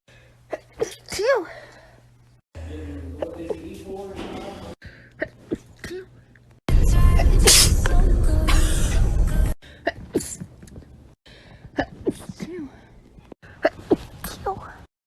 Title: sneezing compilation 2